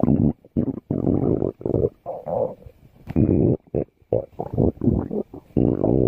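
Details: Stomach growling: long, loud, rough rumbling growls broken by brief pauses; borborygmi.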